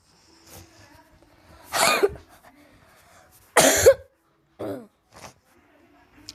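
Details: Person who says they are sick and may sound hoarse coughs several short, harsh times, two of them loud bursts, with quiet gaps between in a small room; illness cough.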